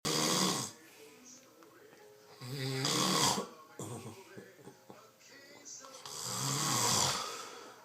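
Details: Overweight adult man snoring very loudly: harsh rattling snores on each breath in, about 16 a minute, with quiet pauses between; faint background music.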